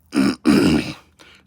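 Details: A person smoking a cigar, who says they growl when they sneeze: two loud, growling bursts from the throat with a short gap between them, heard as forceful throat clearing.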